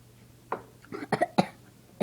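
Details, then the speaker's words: A person with hiccups, recorded before trying pickle juice as a cure: several short, abrupt throat bursts and a few gulp-like catches in quick succession in a quiet room. "ave the hiccups right now and there's a myth that supposedly pickle juice will cure your hiccups"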